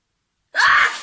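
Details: Sneezing compilation clip: a single sharp, loud voiced burst of breath, one quick sneeze.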